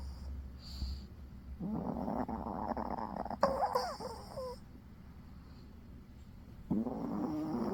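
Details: Low rasping breath noises over a steady low hum with a few brief whimper-like sounds: a dog snoring while asleep.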